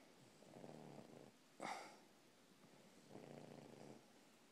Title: The snoring English Bulldog